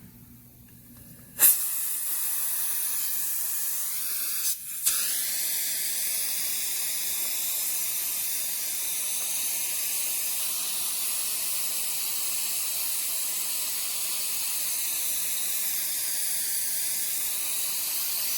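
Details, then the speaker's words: Dental drill removing a cavity before filling, with heavy water spray to cool the tooth and suction tube: steady high-pitched hiss and whine running continuously after a brief start-up. "so I used my drill I've been through it the reason we used a lot of water because that will makes cause some heat we use the water to get to cool down the tooth"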